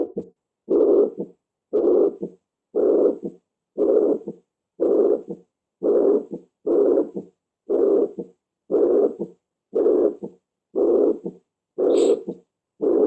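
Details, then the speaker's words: Chronic mitral regurgitation complicated by heart failure over time: regular heart cycles near 59 a minute, each with a long systolic murmur heard at the mitral area and an accentuated, louder second heart sound. "este es el mismo soplo pero que ya el paciente ha pasado el tiempo se ha ido complicando con ese cardíaca y ya es una insuficiencia mitral crónica y me da esta sonoridad con un reforzamiento en el segundo ruido"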